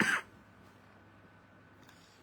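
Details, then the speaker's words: Single short, harsh cough or throat-clearing burst from an adult monk during a live Thai sermon; he remarks that the coughing means his voice is starting to strain; quiet room noise follows. "ถ้าไอนี่แสดงว่าเริ่มเสียงนักแล้ว"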